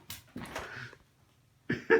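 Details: Child (Nora) gives a few short, rough, raspy coughs with a hoarse, gravelly quality; hoarse cough.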